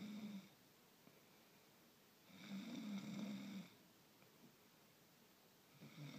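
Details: Loud snoring from a sleeping person.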